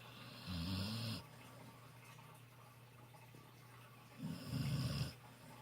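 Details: Dog napping with its face in the sun, snoring: two low, fluttering snores about four seconds apart, faint room noise between.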